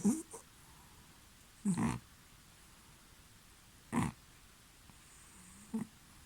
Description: Oliver Crumpet Cromwell the rescue stray cat gets so deep in sleep he starts to make piggy noises.